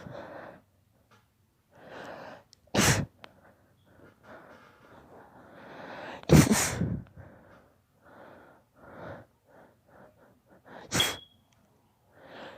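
A child sneezes three times in a row, with quick noisy breaths between, in a sneezing fit from allergy.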